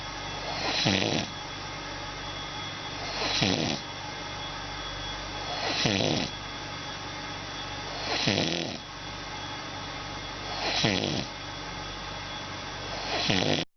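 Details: Snoring: regular loud rattling snores about every 2.5 seconds, roughly 24 a minute, over a steady background hum.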